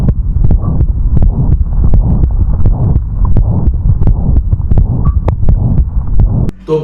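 Heartbeats at about 85 a minute with a low, continuous whooshing between them, heard at the apex: a systolic murmur of mitral regurgitation.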